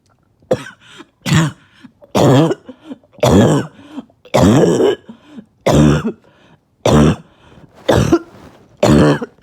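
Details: About nine harsh, hoarse barking coughs in a row, each followed by a brief catch of breath, in someone who has gone about two days without sleep; barking cough.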